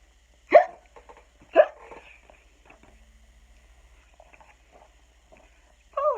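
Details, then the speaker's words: Simulated hiccups acted by an adult reading the children's book Skeleton Hiccups aloud: two sharp 'hic' sounds a second apart, then another. "Skeleton woke up. Had the hiccups. Took a shower."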